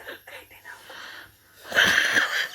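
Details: Small Chihuahua dog sneezing: soft snuffly sounds, then a short, sharp sneeze burst; sneeze.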